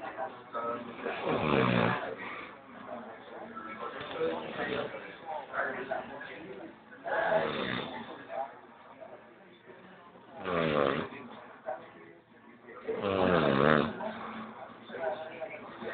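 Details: Loud, rough, irregular snoring with a rattling low buzz, about 10 per minute, from a person deeply asleep during a nap after a hard day's work; faint background music.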